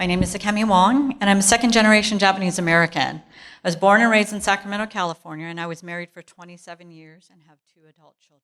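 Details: Adult woman; normal speech.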